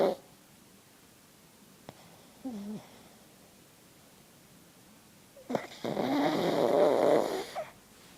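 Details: Sleeping pug snoring: a long, noisy, fluttering snore on breathing in, with a smaller snort before it.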